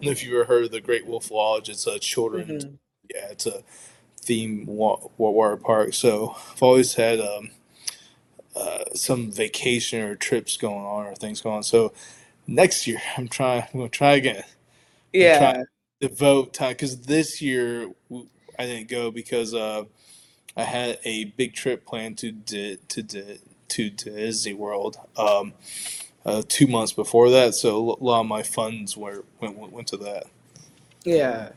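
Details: Adult man who identifies as a person who stutters, speaking spontaneously with audible word repetitions; stuttering.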